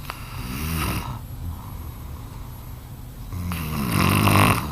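Loud, rattling low snores on breathing in, two within a few seconds, with quieter breathing between them.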